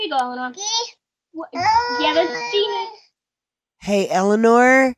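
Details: Adult speaker; Normal voice.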